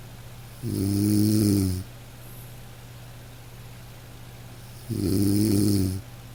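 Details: Dog snoring over light rain in a sleep-aid recording: two slow, steady, low rumbling snores about four seconds apart over soft rain-like hiss; ordinary sleep snoring.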